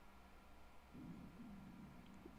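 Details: A faint, low gurgling rumble rises midway through, heard during a livestream and noticed aloud by the speaker: stomach growling (borborygmi) from moving gas and fluid.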